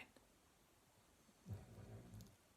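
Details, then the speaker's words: A single soft, low rumbling snore from a sleeping dog in a quiet room, heard behind a person talking. "I don't know if you can hear the dog snoring, but it's really cute."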